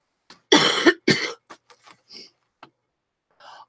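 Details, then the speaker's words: An adult's two harsh, dry cough bursts and a few faint throat sounds, with a runny nose, on the first day of feeling better in nine days of illness: a dry cough. "sorry guys Maddie I know I sound so annoying with the cough and the runny nose"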